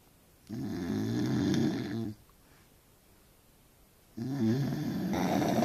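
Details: Adult man who claims he doesn't snore, caught snoring: loud, rough, fluttering snores on the in-breath with quiet pauses between, about one breath every four seconds.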